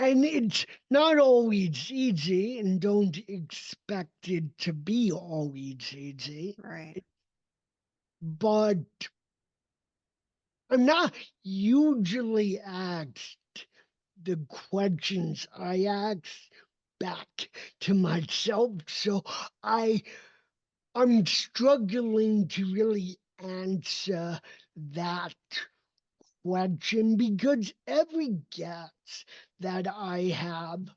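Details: Adult male with cerebral palsy, a neurodevelopmental disability; his speech did not develop until age seven, after extensive speech therapy, and still needs ongoing training; real speech; dysarthria.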